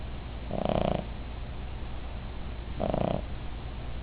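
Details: Female Cavalier King Charles Spaniel snoring, said to snore loudly: two soft, buzzing snores about two seconds apart over steady low background hum.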